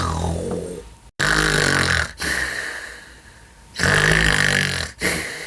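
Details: Loud, rough, rumbling snores on the in-breath alternating with quieter out-breaths, two full cycles; heavy snoring from a mother.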